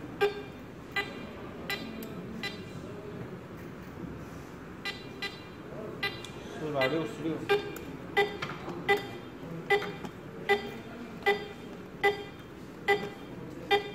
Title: Vetsens-MP1 - pulse oximeter beep